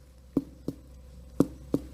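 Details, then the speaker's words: Percussion teaching demonstration: four taps, each giving a single-pitched, hollow, relatively long tympanic note with a brief ring. "is the sound of Tony you can tell it's a single pitch it's Hollow sounding and it's relatively long as well"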